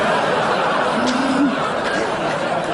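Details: Adult woman's imitation of how speech sounded to her during receptive aphasia caused by a left-hemisphere brain haemorrhage (stroke); she was unaware she could not understand language until she tried.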